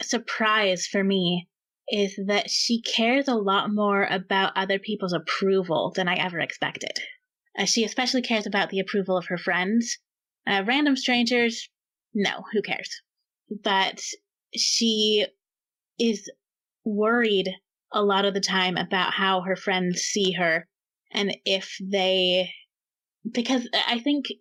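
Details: Adult speaker; normal speech.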